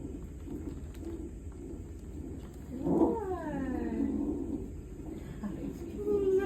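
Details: Brief, high, wavering first cry of a newborn boy right after delivery, over room noise and murmuring voices. He is a third child, born after induction and rapid labor, with lots of hair.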